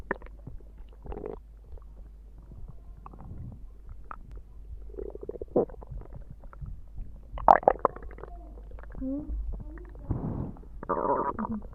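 Short gurgling, rumbling growls come and go over several seconds; ordinary stomach growling from gas and fluid moving through the gut.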